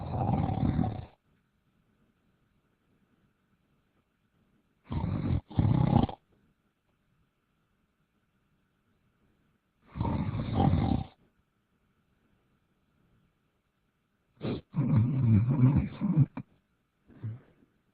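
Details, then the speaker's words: Man snoring heard over a Skype call: loud, harsh, rattling breaths about every five seconds, cut off abruptly by call line gating, silence between; heavy snoring. "what's up bozo hello you there wake up are you snoring oh my"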